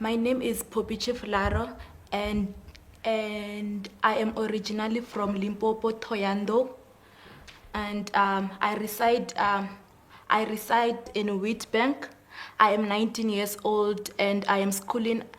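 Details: 19-year-old female grade 12 learner with stuttering; stuttering.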